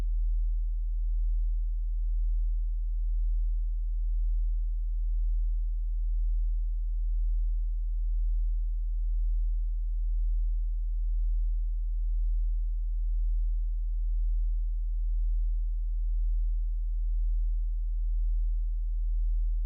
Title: Hearing Test (sourced from mp4)